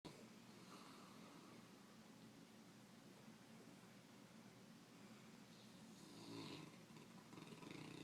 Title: Snore monster